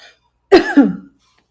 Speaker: I just cough. My coughs sound like this. They sound like that.